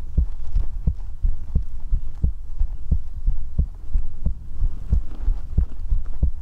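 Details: Close-miked heartbeat ASMR recording: low paired heart thumps at about 85–90 beats per minute with a soft hum underneath; heartbeat.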